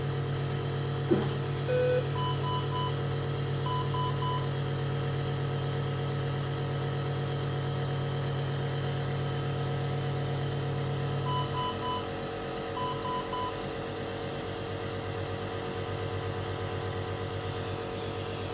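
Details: Steady low mechanical hum of a running nebulizer compressor with a few short monitor-like beeps, for a baby with Down syndrome in the NICU with wheezing, chest congestion and respiratory distress, on nebulizer therapy and oxygen.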